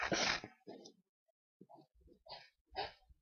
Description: woken up by a sneezing fit so decided to record sorry if quality is bad in places but holding a mic and sneezing like that is hard!